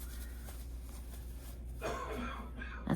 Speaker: my husband coughing if you can hear him. Uh he just got out of the shower.